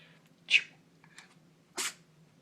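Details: Dog sneezing on cue as a trick while his owner asks if he has a cold: two sharp, hissing sneeze bursts with a faint snuffle between.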